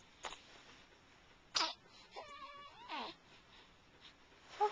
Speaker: No oh o gross that was a juicy sneeze